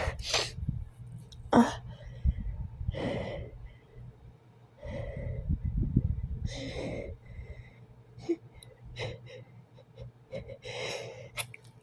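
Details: Allergic sneezing hours after exposure to cats, with itching and exhaustion: several sharp, hissing expulsive bursts with sniffs and heavy breaths between; a run of sneezing.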